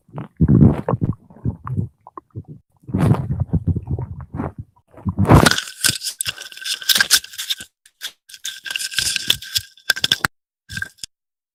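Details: 17-year-old male, hungry, with stomach growling: low, bubbling gurgles and rumbles, followed by loud scraping and crackling handling noise; borborygmi.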